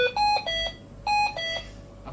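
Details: Two sets of clear electronic tones, each rising then falling, as a Hamilton ventilator is powered on into standby, a normal start-up signal.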